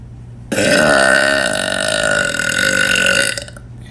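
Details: One long, loud, voiced belch of about three seconds with a steady throaty tone throughout; burping.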